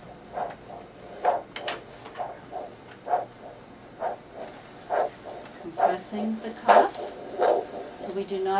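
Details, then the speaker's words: Rhythmic whooshing arterial pulses about once a second over faint hiss, picked up by handheld Doppler ultrasound with gel under a blood pressure cuff during an ankle-brachial index demonstration; the beat stops when the cuff is inflated and returns as it deflates. "to compress the cuff until we do not hear the beat anymore we slowly decompress until we hear the beat start again"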